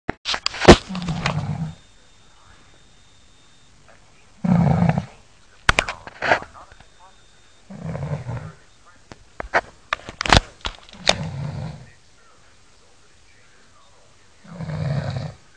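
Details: A man snoring: deep rumbling snores recurring every few seconds, mixed with sharp clicks and handling noise.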